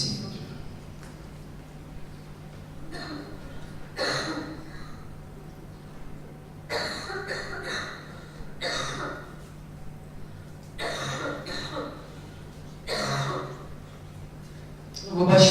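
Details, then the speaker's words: Child with chronic cough, shown in a pediatric lecture as a typical post-nasal drip coughing fit: repeated short, wet-sounding coughs, unable to clear the throat; upper airway cough syndrome. "Я хочу, щоб ви подивилися зараз типовий напад кашлю, який характерний для постназального затікання, і я думаю, що ви впізнаєте"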